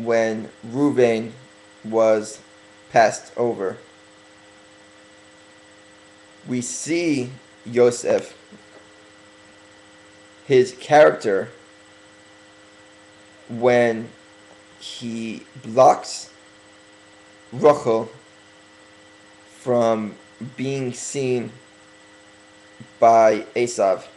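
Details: Adult man deliberately speaking slowly for a few weeks as part of correcting his stuttering, long pauses between short phrases; stuttering.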